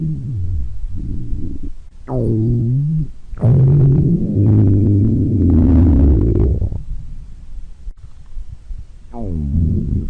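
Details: A person's stomach growling: low, drawn-out rumbling growls with rising and falling gurgling tones, repeating over several seconds (borborygmi).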